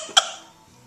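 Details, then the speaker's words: A single short, sharp cough from a young child; the parent first suspects faking, then thinks it may be real, possibly a cough caught from the father. "Oh, that might have been real. You need a lozenge. You do. And maybe Daddy gave you his cough."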